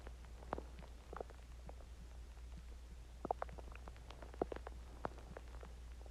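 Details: Stomach growling (borborygmi) after eating Chinese food and drinking water: quiet, irregular gurgles and squeaks over a steady low hum, ordinary bowel sounds after a meal.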